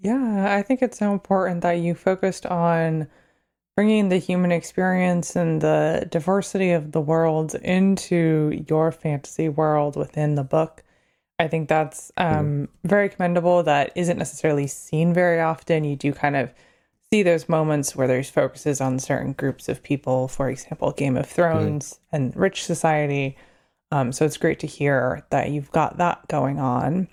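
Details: Adult woman speaking; normal speech.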